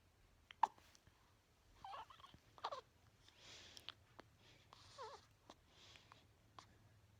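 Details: Newborn 4 days old with hiccups: small sharp catches repeating about every second, with soft fussing sounds between them; common and harmless.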